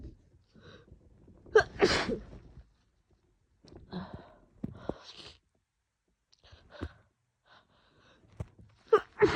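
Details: Female with a cold plus allergies, congested and sneezing on and off all day: several sharp sneezes in quick succession with gasping in-breaths between them; repeated sneezing.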